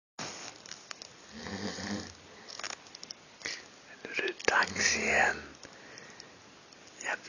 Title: snoring at Fanfest 2013